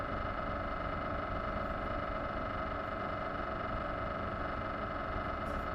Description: Philips 1.5T MRI sounds filmed inside the scan room. Enjoy the rhythmic sounds of magnetic resonance imaging with this latest video request.